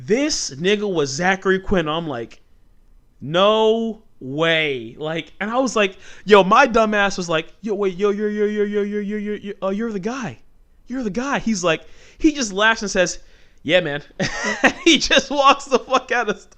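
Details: Male host with stuttering since childhood; it comes out when he talks fast or gets passionate and fired up, and he points out a stutter right after this stretch.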